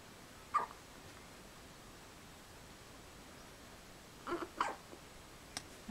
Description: (left) (right), at age 2 weeks, hiccupping in their sleep